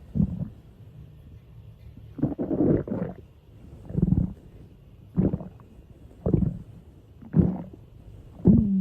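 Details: Stomach growling (borborygmi) in a college-age woman: irregular low gurgling rumbles and squeaky bubbling bursts, roughly seven in nine seconds, over a quiet background.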